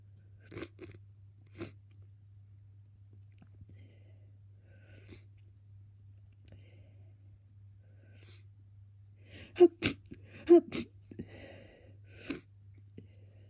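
Soft sniffs, then two sharp sneezes close together and a smaller one after, over a steady electrical hum: sniffing and sneezing with a congested nose.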